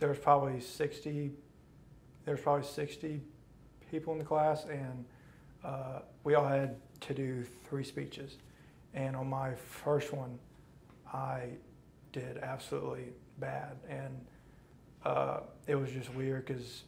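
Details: Male college student who stutters, recorded before a 12-day intensive stuttering therapy program; stuttering.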